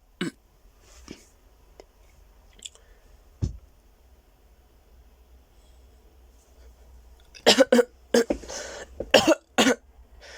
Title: 15 minutes of silence occasionally broken up by frenzied coughing